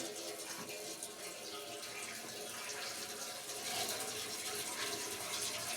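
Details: Soft, continuous hiss and trickle of running warm water: ear irrigation flushing the ear canal to remove wax, with the remaining water left to drain out.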